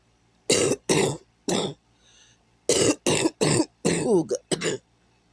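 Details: Cough.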